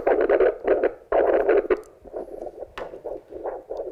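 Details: Arterial pulse heard through a handheld Doppler at the wrist during tourniquet training, where this pulse should not be heard below an effective tourniquet: rhythmic whooshing pulses, loud then fainter, with light room noise.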